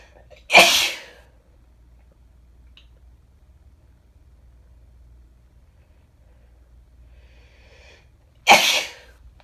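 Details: Female with bad summer hay fever (allergic rhinitis): two forceful sneezes about eight seconds apart, with quiet room noise between.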